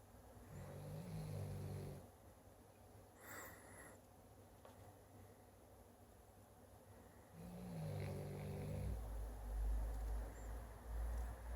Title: I do not snore in my sleep!